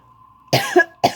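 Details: Cough from the owners, at which their cat reacts by cackling.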